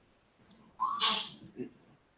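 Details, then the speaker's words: Small pet dog with allergy sneezing: one sharp, hissy sneeze followed by a short snort, heard during a radio-style broadcast. "can hear my little baby sneezing she's got allergy"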